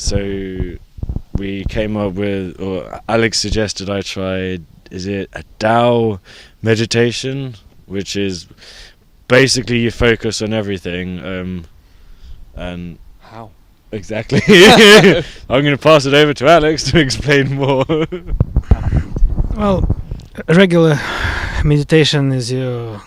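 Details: Adult person who stutters, with blocks, reporting bad speech days over the last few months; stuttering.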